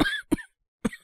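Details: Acted (all performance) cough by a male voice actor playing a young man with a cold, coughing since yesterday, no sore throat: three short, dry coughs in quick succession.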